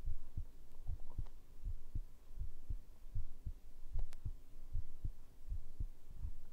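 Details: ASMR heartbeat recording, tagged as made with a binaural microphone: regular, soft, low thumps at about 76 beats a minute with a faint background hum, a normal heartbeat.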